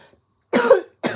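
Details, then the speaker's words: A single sharp cough burst from an adult, followed by the start of a second. "Excuse me, I'm sorry. I didn't mean to cough in y'all's face. I mean, who wants to hear that junk?"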